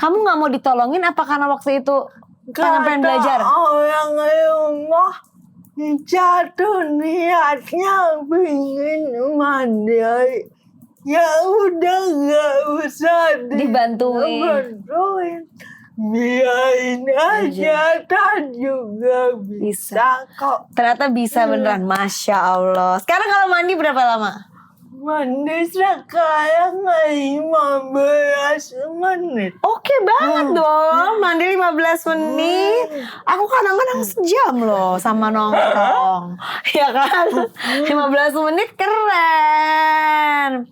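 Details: Adult woman with cerebral palsy limiting gross and fine motor skills; dysarthria (cerebral palsy).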